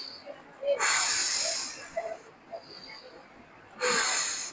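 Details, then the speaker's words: Slow deep breaths in through the nose with long hissing exhalations through the mouth by a patient seated upright in a chair during chest physiotherapy; deep breathing exercise. "सांस गहरा लीजिए और फिर वापस deep breathing. नाक से गहरा सांस लेंगे और मुंह से निकालेंगे।"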